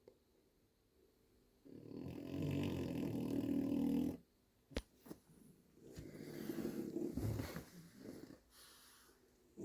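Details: Sleeping French Bulldog snoring extremely loudly: two long, loud, rattling snores on inhalation, with quiet pauses between.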